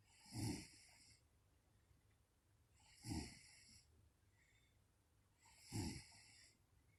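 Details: Mother snoring during sleep: soft, low, rattling snores on inhalation, about 22 a minute in a quiet room; ordinary snoring.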